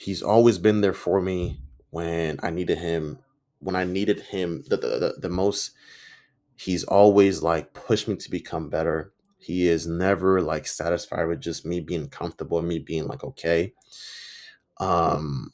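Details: Stuttering in an adult man who reports that he stutters and sometimes mispronounces words; his own spontaneous speech, with word and part-phrase repetitions.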